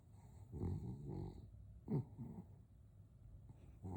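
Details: French bulldog: soft snorting, grunting breaths with a low rattle; snoring.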